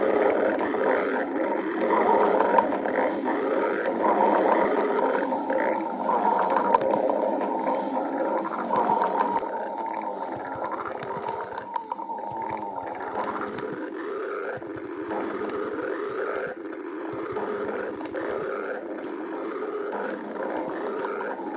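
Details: Stomach growling: continuous low gurgling, rumbling growl lasting about twenty seconds, fading slightly toward the end; ordinary borborygmi.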